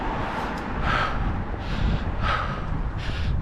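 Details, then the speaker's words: Fast, heavy, audible breaths over loud outdoor wind from a man with asthma walking after a 1-mile run, inhaler taken 15–20 minutes earlier: laboured breathing, breathlessness. "Decided to walk the last 150 metres just to try and help get my breath back, because I'm struggling with my breathing this morning, as you can probably"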